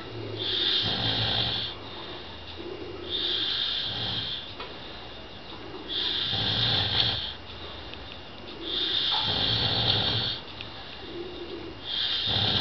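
Steady rhythmic snoring, harsh rattle on each breath, about ten breaths a minute, with faint room noise. Snoring.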